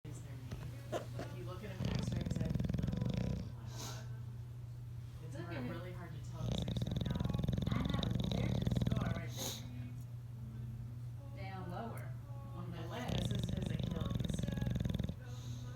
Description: Murphy the snoring bulldog wakes up Pierre the sleeping cat.